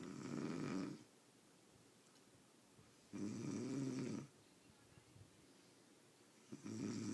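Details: Snoring in deep sleep: loud, rough snores about a second each, roughly 19 a minute, with quiet gaps between.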